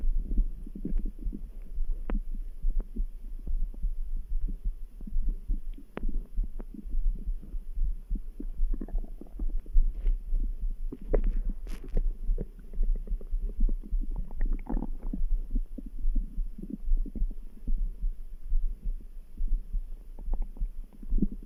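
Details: Low, rumbling stomach gurgles over a steady background heartbeat, about 72 a minute; ordinary bowel sounds.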